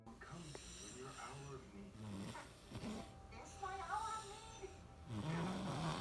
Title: SHE SNORES LIKE DADDY (TATAY )